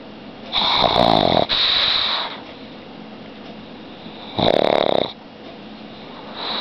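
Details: Sleeping pug dog, tired after walking and running: loud rattling snores, about two in six seconds, with harsh fluttering on the in-breath; snoring.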